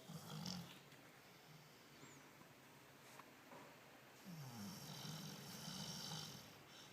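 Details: Dog snoring, recorded May 2013: soft, rough snoring breaths with faint snuffles over steady room noise.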